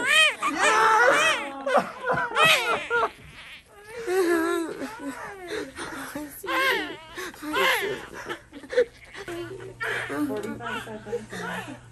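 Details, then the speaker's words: Preterm newborn boy delivered at 34 weeks 1 day, 5 lb 5 oz, to a mother with uterus didelphys, breathing on his own: strong, repeated high-pitched wails right after birth amid adult voices; a vigorous first cry. "oh my gosh oh my god oh my god oh cry baby oh my god"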